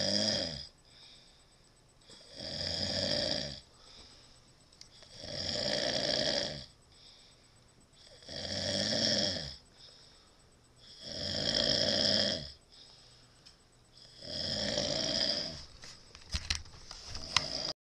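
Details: Person asleep with a cigarette in the mouth: loud, regular, rattling snores about 20 a minute, one on each breath with quiet pauses between; heavy snoring.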